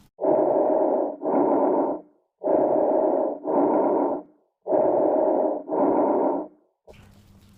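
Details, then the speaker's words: Normal bronchovesicular breath sounds: three breath cycles with inspiration and expiration equal in both intensity and duration, intermediate between bronchial and vesicular sounds. "सो अब हम सुनेंगे date sound last इस Bronco vascular blue sound यह intermediate होती है bronchial और vascular यहां पर इंस्पिरेट्री फेस और एक्सपाइरेट्री फेस इक्वल होता है इक्वल इन बोथ इंटेंसिटी और ड्यूरेशन और ये कुछ ऐसी सुने देती है"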